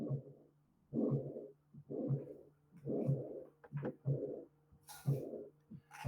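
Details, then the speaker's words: Regular beats about 60 a minute with a rough whooshing noise in both systole and diastole, where silence should be: combined aortic stenosis and aortic regurgitation murmurs, heard best at the aortic area and apex. "Okay ahora vamos a un soplo diastólico por regurgitación y ahora los voy a combinar si se fijan tengo ruidos en las dos donde Tendría que haber silencio"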